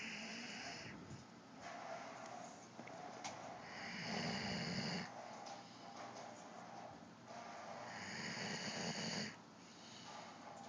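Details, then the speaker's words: Long, rough, rattling breaths in and out, several seconds each, from a German Shepherd snoring while awake, over steady room noise; snoring. "Shep, why are you snoring? But you're awake."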